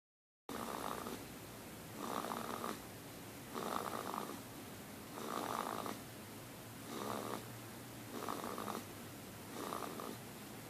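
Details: Regular soft rasping snores during sleep from a tiny sleeper, about seven breaths in ten seconds, roughly 40 a minute; snoring.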